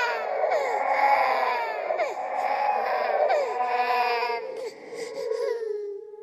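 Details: Horror sound-effect track, not a real baby: high, wavering infant crying in repeated wails with a sobbing quality; a ghost-baby imitation of an infant cry.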